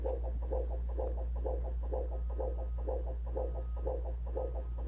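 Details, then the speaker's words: Fetal heart rate on Doppler monitoring during labor: rhythmic whooshing beats about 125 a minute slowing below normal during a deceleration, then returning to baseline. "heart beating a little slower now? Now we're getting below normal. That was a deceleration."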